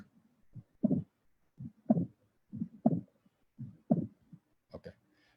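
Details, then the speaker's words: Constrictive pericarditis: heart sounds with an extra early diastolic sound just after S2. Pericardial knock. "So this is the pericardial knock. You can listen to this. I think it is audible. So you can see just after the S2, this is the asterisk. Here comes the pericardial knock."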